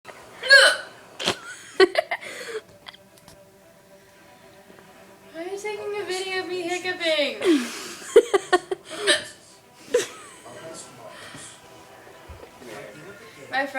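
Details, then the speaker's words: Hiccups from a person trying to control them, saying they have started to hurt. "I'm sorry trying to control my hiccup can you still hear it yeah it start to hurt"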